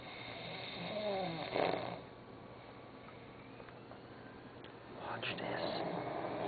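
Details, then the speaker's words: Turkish man asleep, snoring "like a horse"; two snoring breaths a few seconds apart with faint room noise; snoring. "I think he's snoring again let's check"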